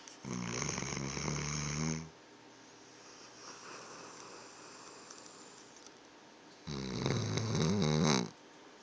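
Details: Two loud, rough, rattling snores separated by a quiet pause, with faint room noise, from a sleeping dog; snoring.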